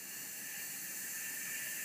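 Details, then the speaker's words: Jet nebulizer running: steady soft hiss of gas jetting through a large-volume cool aerosol nebulizer at 4 liters per minute, fairly quiet. "when you're in lab what I want you to do is to listen to how loud that is it is very loud also listen to the jet coming out of her"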